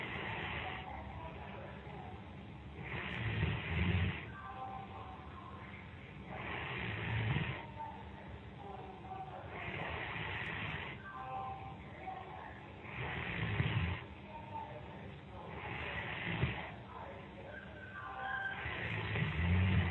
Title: Friend falls asleep during skype call. Recorded snoring